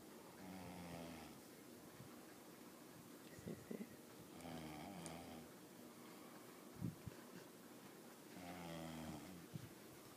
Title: Caught my brother snoring